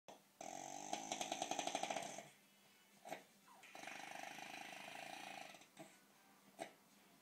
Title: Fat Boy snoring